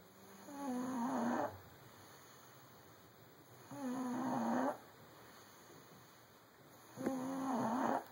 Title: Snoring Cooper